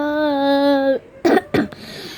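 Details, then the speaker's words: A sustained voiced tone, then two short, sharp coughs in quick succession; the speaker blames the cough on eating too much candy. "Maaf guys, batuk."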